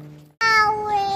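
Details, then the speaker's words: A brief, clear tonal wail from an infant girl in a stroller being pushed outdoors in the evening, steady and slightly falling in pitch, after a quiet pause. "I'm pretty sure you can hear the baby crying a little bit she likes to go walking in the stroller and that usually suits her"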